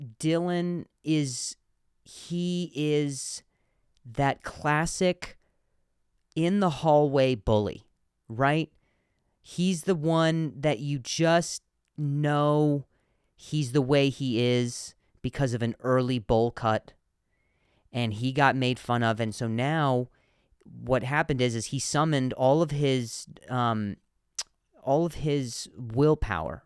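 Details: Adult male comedian who stutters, speaking naturally; stuttering.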